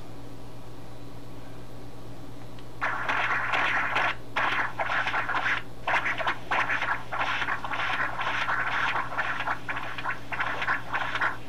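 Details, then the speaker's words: Pulsed-wave Doppler during cardiac ultrasound (Esaote MyLab Class C) of a 13-year-old dog with a heart murmur: rhythmic whooshing flow bursts, about 98 a minute, over a low hum; mitral regurgitation, velocity about 5. "so we'll put a pulse wave Doppler on it there it is so you can hear it and also see it"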